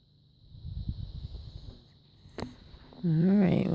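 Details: Hiccups in a five-day-old newborn: soft rustling, then a single sharp hiccup click followed by a brief voiced sound.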